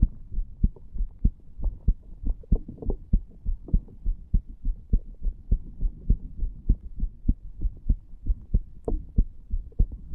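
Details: 34-year-old male lying on a bed, recorded over the tricuspid area after smoking cigar nicotine and "green stuff" as an experiment: steady thumping heartbeat with paired lub-dub sounds at about 98 beats a minute.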